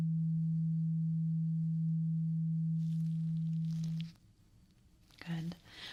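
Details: Simulated ear-exam hearing test before wax cleaning, with eyes closed, one ear then the other: steady low pure tuning fork hum sustained about four seconds, then cut off, followed by soft handling noises.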